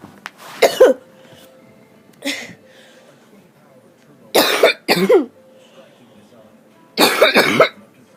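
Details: Adult with a common cold; seven harsh, rough coughs, several in pairs, with a faint steady hum in the background: harsh cough.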